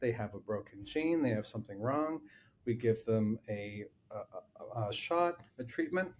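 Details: Adult man with lifelong familial stuttering; long blocks and repeated-word repetitions.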